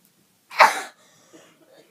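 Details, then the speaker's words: Real coughs from sick people showing the wrong way to cough, uncovered and spreading germs, and then the polite way, into a bent elbow: cough. "This is the wrong way to cough. You're spreading germs. That's not okay. This is the polite way to cough."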